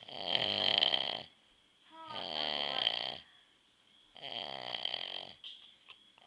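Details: Dad snoring: three loud, rattling snores on breathing in, with quiet pauses between; ordinary snoring from throat vibration during sleep.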